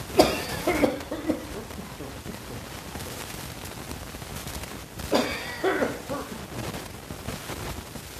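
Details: Two bouts of short, harsh, dry throaty coughs separated by a quiet pause in a small room; dry cough that the person says usually precedes their first cold of the season.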